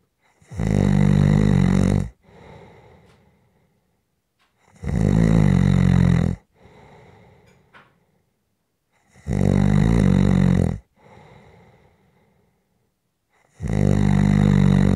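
Loud, deep rattling snores on each breath in, about 14 breaths a minute, with quiet breaths out between; heavy snoring.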